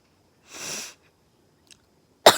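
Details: A person who is sick sniffles and coughs: a long hissing sniff, a faint nasal click, then the sharp onset of another sniff or cough.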